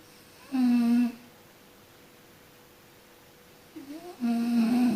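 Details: Person sleeping and snoring: two loud, tonal, droning snores with a quiet pause between them.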